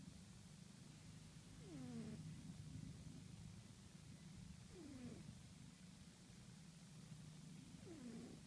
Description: Check out my cute cat named Magic snoring. Lol!!